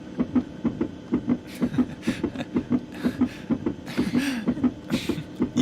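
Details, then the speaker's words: Fast, regular whooshing double thumps of a fetal heartbeat on Doppler, about 135 a minute, from a pregnancy check in a Hindi-dubbed TV drama. "चलो देखा बच्चे का दिल टक टक टक टक टक कैसे भाग रहा था सुनने में कितना मजा आया"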